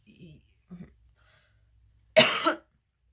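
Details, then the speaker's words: Cough or throat clear: two faint voiced sounds, then one sharp noisy half-second cough, with the voice croaky and crackly at the time. "yeah i feel like so it's interesting like i'm getting this weird throaty energy manifesting it's making my voice all croaky"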